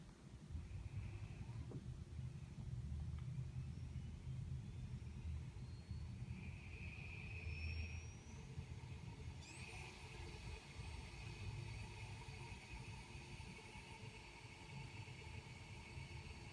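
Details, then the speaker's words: Z1 automatic travel CPAP machine fixed at 10 cm H2O pressure, user wearing a nasal mask, recorded by phone 30 cm away: a steady low whir and hum with a rising whine as the small high-rpm motor spins up. CPAP machine running noise. "and there you have it so the machine all trouble machines are a little bit noisier than your standard full-size CPAP machines and that's due to the very small motor which has to turn at a very high rpm to generate the full range of CPAP pressures"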